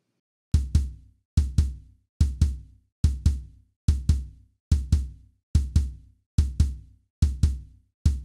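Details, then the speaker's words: Recorded heart sounds, regular at a resting rate of about 60–70 a minute, each beat preceded by a soft extra sound late in diastole just before S1: a fourth heart sound (S4 gallop). "before heart sound one whereas it actually it's late in diast and it has a different Cadence again another Gallup type Rhythm but instead of the Kentucky Rhythm we get a l l up L love du L du L dub so it sounds as it's just before heart sound one"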